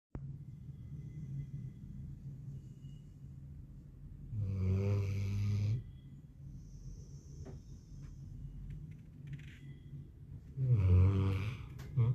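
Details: Two loud, low rumbling snores about six seconds apart with quiet breathing between: a sleeping dog snoring.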